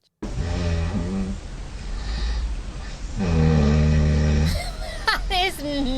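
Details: Snoring recorded overnight in a bedroom by a sleep-tracking phone app.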